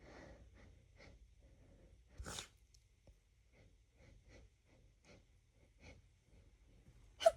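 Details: Woman newly exposed to a roommate's cat, apparently very sensitive to it: quiet sniffing and breathing, then a short sneeze and a second sneeze at the end; allergic sneezing.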